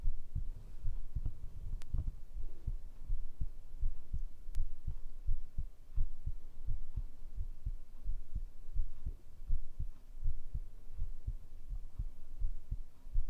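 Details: ASMR heartbeat recording, tagged binaural microphone: soft low thuds at about 85 a minute under a steady hiss; heartbeat at an ordinary rate.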